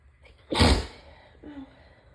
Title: Beginning of a cold sneezes